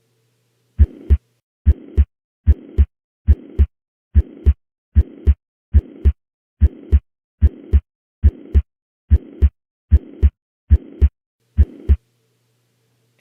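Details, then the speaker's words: Mitral regurgitation murmur heard in a teaching case, first at the apex, then at the right upper sternal border, where the murmur's intensity and the intensities of S1 change. "what's the most likely diagnosis mitral regurgitation i also think it's important to point out what this murmur sounds like elsewhere on the chest wall"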